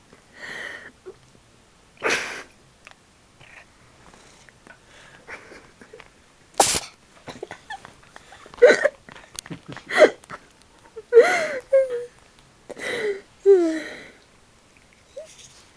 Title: Niesende Katze - Sneezing Cat